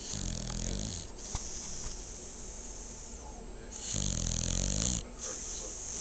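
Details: Sleeping female dog snoring: two buzzing snores over six seconds with a steady background hiss.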